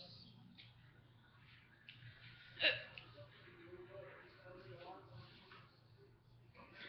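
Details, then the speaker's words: A single sharp, abrupt hiccup against quiet room noise and faint soft mouth sounds, during a recurring bout of hiccups. "this SL and I have the hiccups again yay they're so beautiful fun hiccups"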